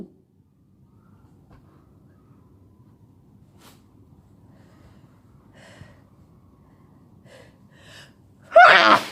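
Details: Sneeze of a sick person who has been sneezing all day with a headache: quiet room hum and soft catching breaths, ending in one loud, forceful sneeze.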